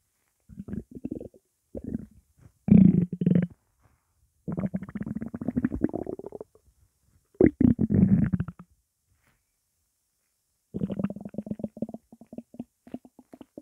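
Several long gurgling, growling rumbles from the belly with quiet gaps; normal hunger-related bowel sounds.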